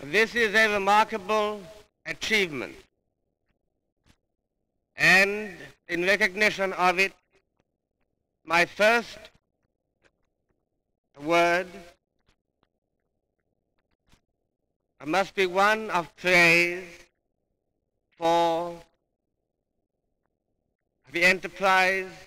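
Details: A king, who stuttered from a young age and had speech therapy, giving a public speech in 1938; stuttering.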